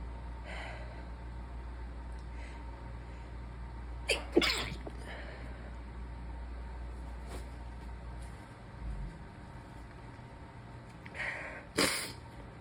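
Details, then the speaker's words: Three stifled sneezes from a sick, seated person with the device propped in their lap, hands-free without pinching the nose: sharp muffled bursts through a closed mouth over low steady room hum; sneezing. "starfish definitely makes me sneeze more I guess it makes sense but these are hands-free I'm not going to pinch them off I don't think"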